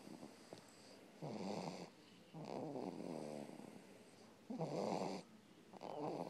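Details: Repeated rattling, buzzing snores with short quiet breaths between them, over faint room noise; snoring.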